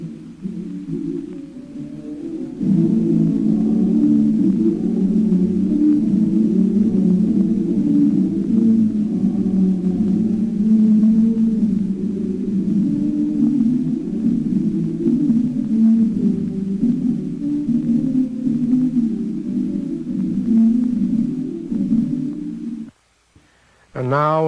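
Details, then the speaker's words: Simulated profound hearing loss, modelled on Beethoven's progressive deafness: orchestral choral music heavily muffled and dull, with only low, blurred tones left. "my hearing grows worse and worse my ears whistle and buzz continually day and night"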